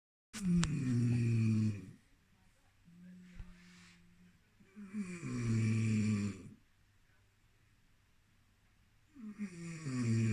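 Loud, low rattling snores on each in-breath, roughly 13 breaths a minute, with quiet exhalations between.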